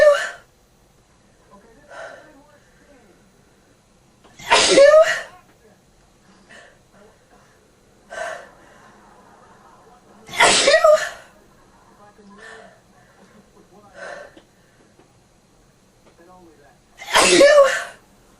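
Three loud sneezes, each preceded by a sharp inward gasp, with quieter breaths and sniffles between them; sneezing during a cold.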